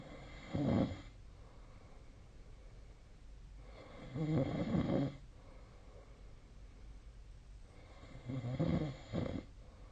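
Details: Sleep snoring recorded with the SnoreLab app on 2025/01/31: three low rattling snores, roughly every four seconds, with quiet breathing between them; ordinary snoring.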